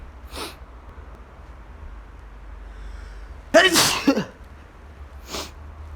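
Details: Person sneezing in a quiet room: one loud, explosive sneeze with a short follow-through, then a softer breath.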